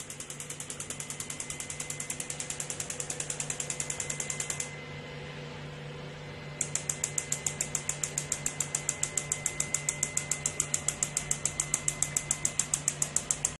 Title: The PMST Neo Super Transduction Physio Magneto Plus NIRS Therapy Physio Magneto Machine Biotronix